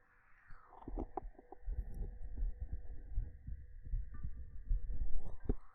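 Repeated soft low thumps of a heartbeat under a faint steady hum.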